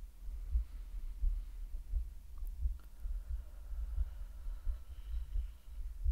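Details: Simulated ASMR medical roleplay, female heartbeat: soft, regular low thumps at about 85 beats a minute over a faint hum; normal heartbeat.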